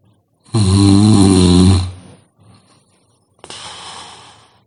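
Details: One long, loud, rattling snore on breathing in, then quieter breathing noise and a softer rough breath; heavy snoring.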